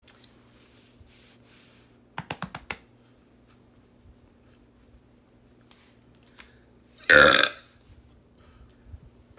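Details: Girl burping in a TikTok burping compilation: a few faint clicks, then one loud, rough belch lasting about half a second in a quiet room.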